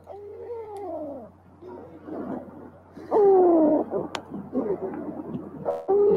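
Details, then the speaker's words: Wheeze linked to asthma with lower-airway narrowing: repeated musical, whistling breath sounds with gliding pitch, almost like a cat's meow. "provei mas é esse som parece um literalmente o miado de gato assim às vezes não negócio bem estranho assim sabe vai ser um som de desespero esse som do sibilante"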